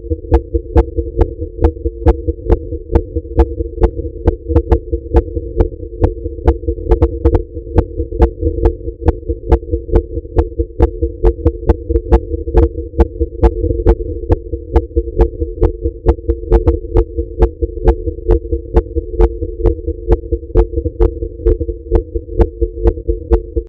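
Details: Female at rest: rapid, regular heartbeat at about 136 per minute over a steady humming tone; tachycardia (fast heartbeat).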